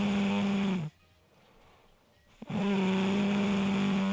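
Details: Man snoring: long, steady droning snores with a clear buzzing pitch, separated by a short quiet pause; loud tonal snoring.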